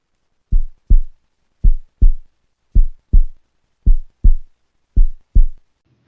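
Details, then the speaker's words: Paired low thumps repeating about once a second, heard through a stethoscope at the elbow as the sphygmomanometer cuff deflates; Korotkoff sounds. "160 से लेकर 100 तक आवाज़ें आएंगे। तो हम महसूस करेंगे कि हमारा ब्लड प्रेशर 160 से 100 है,"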